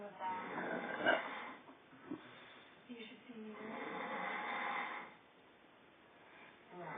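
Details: Father snoring during sleep, another person also present: rough, rattling breathing noises in long irregular stretches with quieter pauses between; snoring.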